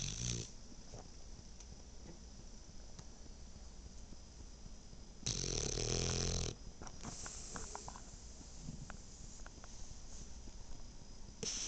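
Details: Sleeping French Bulldog snoring with eyes open during REM sleep; a low rattling snore in a quiet room with one louder, harsher burst midway.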